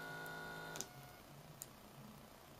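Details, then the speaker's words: Omron automatic upper-arm blood pressure monitor measuring blood pressure and pulse: pump hum stops with a click, then a faint hiss and soft click as the cuff deflates before the reading; cuff deflation. "then deflating and soon I'll have my reading there so now it's finished my reading"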